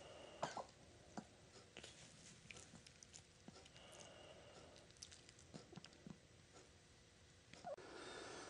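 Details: A small, newly adopted rescue dog, not yet examined by its own vet, coughs just as it wakes from a nap: a few brief, soft coughing bursts in a quiet room.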